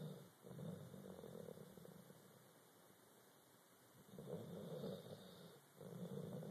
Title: snores